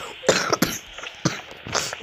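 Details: Series of about four short, harsh coughs from a child with a cold, recorded while gaming and saying he is really sick; cough.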